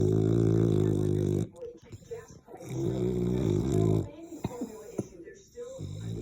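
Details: Snoring: loud, low, buzzing snores on inhalation with quieter pauses between them, with some faint background noise.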